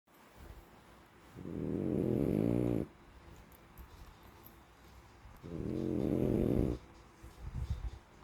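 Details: Sleeping French bulldog snoring: two long, low, rattling snores about four seconds apart, with soft breathing in between, in a quiet room.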